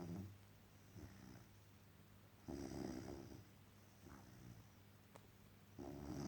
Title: Dog snoring after an exhausting day at work..